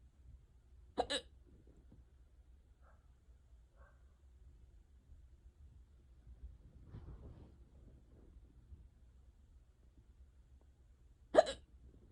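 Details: An unusually severe, persistent bout of hiccups: two sharp, brief hiccups about ten seconds apart in a quiet room.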